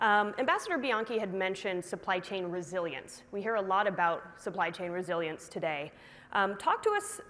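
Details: Adult woman speaking; normal voice.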